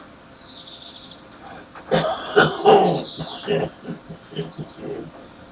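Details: Adult man with a heavy morning smoker's cough: a cluster of harsh, wet coughs followed by throat clearing, hawking and spitting.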